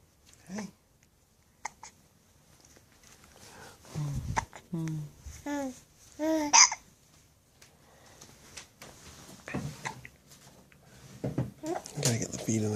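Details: Young child with hiccups on a happy morning: brief, sharp hiccup sounds among cheerful babbling and laughter.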